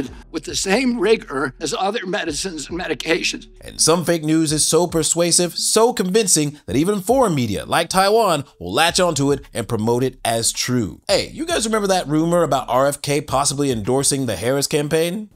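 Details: Adult male narrator; normal voice.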